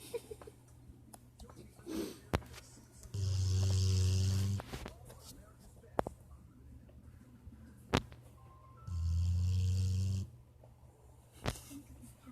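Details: Rocket snoring like Darth Vader breathing: two long, low, rumbling snores about six seconds apart, with clicks and room noise between; snoring.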